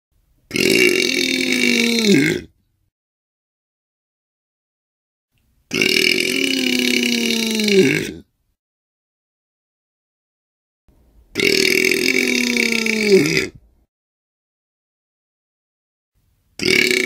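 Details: Three long, loud voiced belches, each about two seconds, separated by silence; repeated burping.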